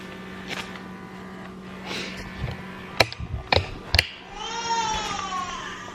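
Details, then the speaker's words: Fussing building into a rising, wailing cry over room hum: a 4-week-old baby girl's hunger cry on waking after a long sleep, described as really upset and wanting to eat right away. "when she wakes up from a long periods of time she is really upset she wants to eat like right then and"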